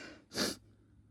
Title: chhinkni intense fit of sneezes